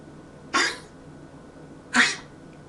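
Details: Cough recorded at 4 a.m. on 12/8/17.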